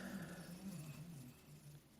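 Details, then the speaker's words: Quiet, low rumbling snoring from a sleeping dog, fading slightly toward the end. "Sorry if you can hear the dog snoring, but uh yeah, I was kind of surprised by that."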